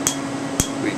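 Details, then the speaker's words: Two sharp, loud snaps about half a second apart over a steady hum, from Candela TriVantage Q-switched 755 nm alexandrite laser pulses at a 3 mm spot on a previously treated tattoo of a male patient, done under topical anesthetic and moderately painful. "so this this is the uh Alexandrite 755 nanometer Q switch laser from Candela it's called the tri Vantage we're doing it in the Alexandri mode and this this is a tattoo that we treated"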